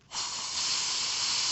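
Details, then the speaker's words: Sudden steady high hiss of a dental air-water syringe rinsing tooth number 20 after etching, with suction, during composite filling practice on a manikin (simulated). "okay that's good so technically we want to rinse for another 30 seconds or more"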